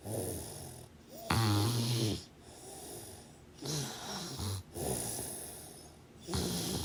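Repeated rough, vibrating snores on the in-breath with airy out-breaths between, about ten breaths a minute; ordinary heavy snoring.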